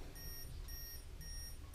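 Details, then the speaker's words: Dexcom G5 or Medtronic Enlite CGM receiver alert while wearer waits in a grocery line, calibration error: three short, evenly spaced electronic beeps over low background rumble. "And now that I'm in line and it's beeping, I can't be digging in here."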